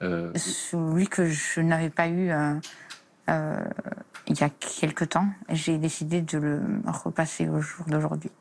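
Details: Adult woman who stutters and long hid her stutter out of fear of speaking; stuttering.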